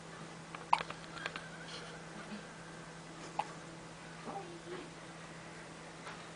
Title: Hiccups